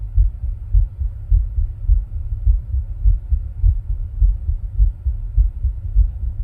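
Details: Own heart sounds recorded while rebreathing from a plastic bag: steady, fairly regular low thumping heartbeat at about 100 beats a minute.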